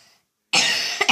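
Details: Acute cough from a girl who fell ill two days earlier with cough, runny nose and fever, lying in bed home from school: one loud, harsh cough burst, then a short second burst.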